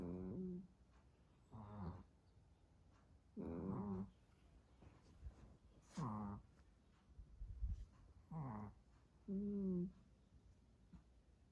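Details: Two small dogs, a Chihuahua and a Pomeranian, snoring in different ways: repeated soft, nasal, whistly snores about every two seconds in a quiet room; ordinary dog snoring.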